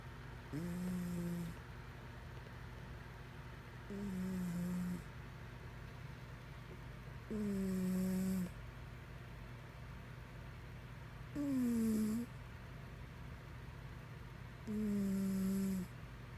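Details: Five regular tonal snores, about 17 a minute, each a short buzzing rattle on the in-breath, from a sleeping cat, over steady low room hum.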